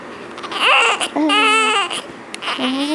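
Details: Newborn on the first day after birth: loud, rhythmic, tonal crying in repeated wails in a small room.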